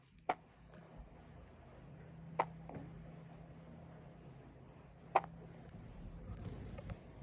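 Three sharp, brief gulping clicks about two to three seconds apart in a quiet room, consistent with hiccups.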